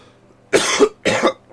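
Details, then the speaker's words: Adult man almost recovered from illness, on medicine, with a lingering long irritated lung cough: two harsh, rough cough bursts about half a second apart. "I'm still doing with like my um my long cough of course and um it it'll never it'll never stop until you know T feeling better of course so I still had a deal with like a you know a long cough situation so"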